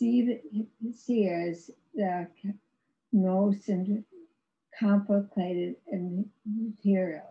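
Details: Woman with severe aphasia after a severe stroke in 2010; no speech for three years, with ongoing speech challenges, recorded in 2021, about 11 years post-stroke; non-fluent aphasia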